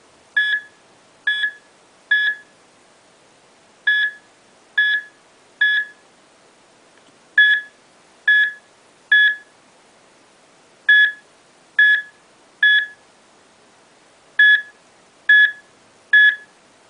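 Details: Bedside cardiac monitor repeating three-beep alarm bursts as a dying patient's rhythm deteriorates toward asystole during a fatal arrhythmia.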